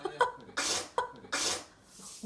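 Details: A baby sneezing, with nasal mucus coming out after the sneeze.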